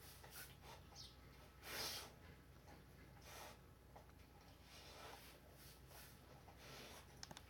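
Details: Akita-mix dog sneezing when happy or excited: one sharp, snorting sneeze amid soft snuffling and rustling; dog sneeze.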